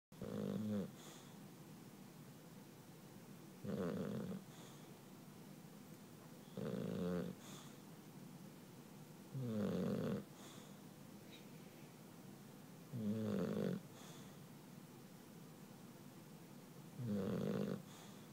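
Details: English Bulldog snoring happily in sleep: six loud, rattling snores over about 18 seconds, roughly 19 breaths a minute, with quiet pauses between them.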